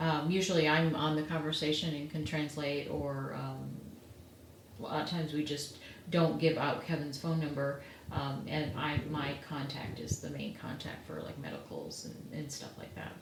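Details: Adult speaker, likely a woman; ordinary speech.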